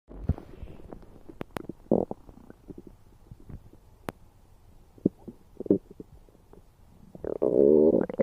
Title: Weird stomach sounds